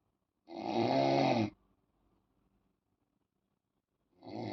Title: Noise Snoring on bed Time. MAK 040523